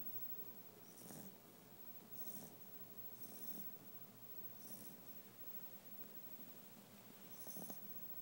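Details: Sleeping female dog snoring softly and rhythmically, about 50 a minute, over steady room hiss; owner notes the snoring gets much louder.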